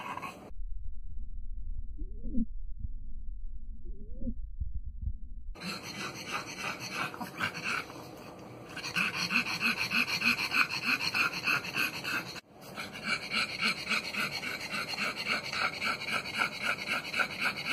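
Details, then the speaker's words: Brachycephalic dog at rest: loud, fast snorting and rattling breaths heard clearly even at rest; grade 3 brachycephalic obstructive airway syndrome (BOAS) noise. "that's uh grade three even at rest you can hear it very loud clear loud and clear"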